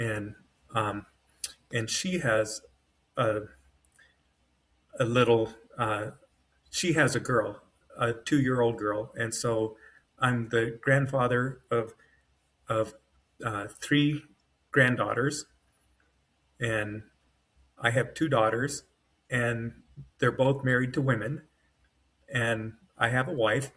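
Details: Adult man with self-rated mild-to-moderate aphasia after an AVM brain hemorrhage, surgery and a 10-day medically induced coma. He woke with right-side paralysis and severe aphasia, has foot drop, and has trouble finding words, with his brain working faster than his mouth.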